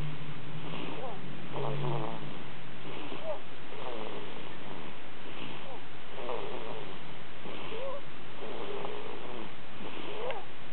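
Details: Snoring baby: soft, regular snuffly snoring noises with each breath, about six breaths in ten seconds, over steady background hum; light snoring.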